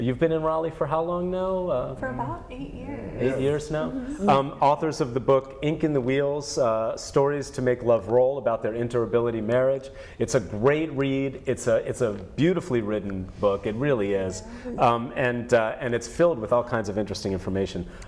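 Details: Adult male speaker; normal speech.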